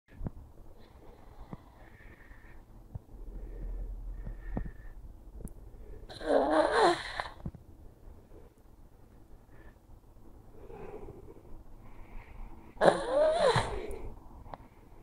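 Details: Pug (flat-faced dog) sleeping in his favorite spot in the morning: two loud snorting snores about six seconds apart with quiet wheezy breathing between; snoring.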